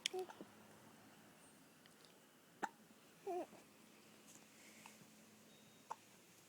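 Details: Hiccups while relaxing on an outdoor couch: short, sharp hiccup sounds, some carrying a brief squeaky voice, at uneven intervals in a quiet room; hiccups.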